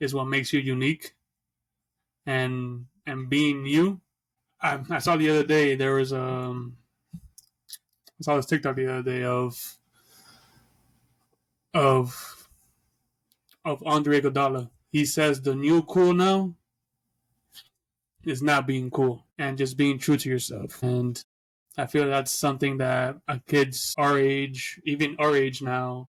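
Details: Adult man who stutters, speaking as a podcast co-host; stuttering.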